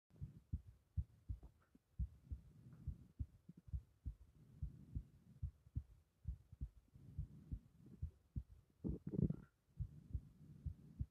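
Regular low thumps at about 70 a minute with a faint hum behind them: a forceful carotid artery pulse.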